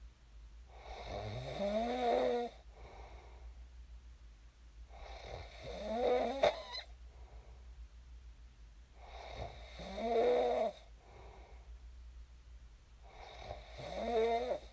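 Loud rattling snores on each in-breath, about 15 a minute, with quiet out-breaths between: ordinary snoring.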